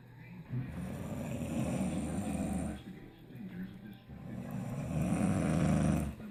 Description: My daughter's snoring after their wisdom teeth removed.